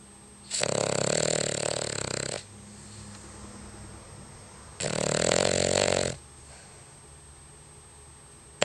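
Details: Cavalier King Charles spaniel dog snoring, as it does daily: two loud, rattling inspiratory snores, each nearly two seconds, with quieter exhalations between, about 14 breaths a minute.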